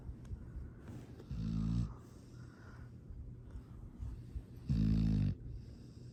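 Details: Sleeping dog snoring: deep, rumbling snores on two breaths about three seconds apart, with soft breathing between them; ordinary sleep snoring.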